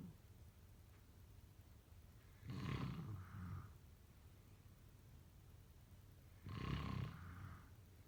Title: #sleepnoises #snoring #snoringasmr #snoringsleepingsoundeffect #snoringsounds